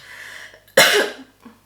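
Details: Adult woman coughing once during a spoken knitting podcast: a single loud, abrupt cough burst with a short tail in a quiet room.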